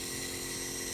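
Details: Steady loud mechanical hum and hiss of a compressor nebulizer switched on at home to treat a baby's cold and cough; the mask is held at a distance while the baby plays. Normal operating sound.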